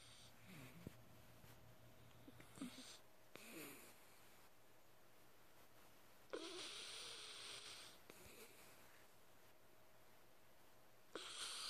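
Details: Sleeping dog apparently dreaming and twitching: soft, irregular snorting breaths and squeaky whimpers over a steady room hum; snoring.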